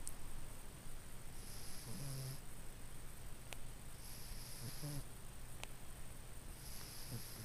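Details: Older Cornish Rex cat with respiratory issues, breathing in through the nose and out through the mouth, very sleepy; soft regular snoring about every two and a half seconds (about 24 a minute) over background hiss.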